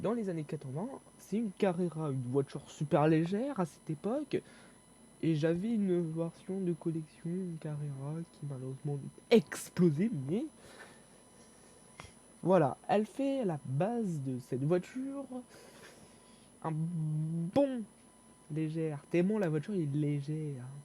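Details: Stuttering in a young male speaker who reports difficulty speaking and fear-related stress when talking.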